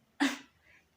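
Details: Cough etiquette demonstration: one short, sharp, deliberately acted cough burst with a quick fade, shown as an example of incorrect coughing technique.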